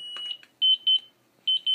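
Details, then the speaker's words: High-pitched electronic beeps from a Zoll M Series defibrillator during routine daily shock test with test module, result "test OK". "you see up here it says test ok it's a test ok and that's what you want to see you want to see that test ok"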